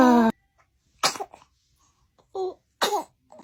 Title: Baby sneezes #trendingshorts #tiktok #shorts